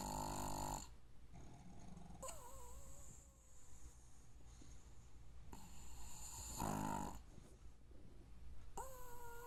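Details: Pug snoring loudly: about four rough, rattling breaths, some with a whistling squeak, over a low steady room hum.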